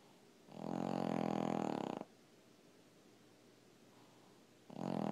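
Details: Long, loud, rattling snores on the in-breath, about one and a half seconds each, separated by quiet pauses; loud snoring.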